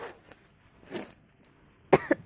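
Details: Person with runny nose who can still taste food gives two short, sharp coughs in quick succession after a quiet breath or two.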